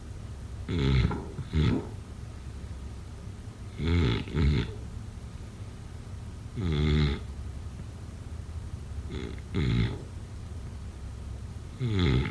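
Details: Sleep snoring sound-effect recording: repeated loud, low, rattling snores in paired bursts, about ten breaths a minute, over steady room hiss; heavy snoring.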